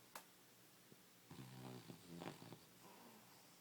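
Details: Loud, irregular, rough fluttering snorts and snores from a sleeping English bulldog, a habitual snorer, with some room noise.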